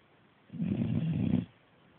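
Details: Staffordshire bull terrier puppy snoring while asleep after a hard day of chewing: a single rumbling snore about one second long in a quiet room.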